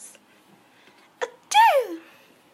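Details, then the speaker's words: An adult woman's sneeze (the speaker's mother) in a quiet room: a quick sharp intake followed by a loud, voiced sneeze that falls in pitch and fades. "and that was my mum sneezing if any you guys were wondering what the hell that noise was it was my mum's sneeze"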